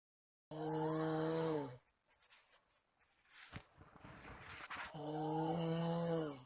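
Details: Sleeping friend's snoring that kept someone awake: loud, drawn-out snores with a musical, humming tone, separated by noisier breathing and rustling.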